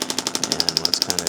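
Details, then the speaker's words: Radial shockwave therapy handpiece on the lateral leg of an adult chiropractor who has recently increased his running, intensity about 4–5/10 while the foot is manipulated: rapid, regular mechanical tapping, about twelve pulses a second. "And today, I am getting treatment from Mike. Hey, everybody. Mike's sending you some shockwave on kind of my lateral leg down here."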